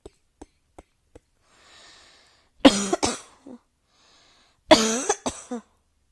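A few faint taps, a breath in, then two harsh voiced coughing bouts with short trailing hacks, indoors.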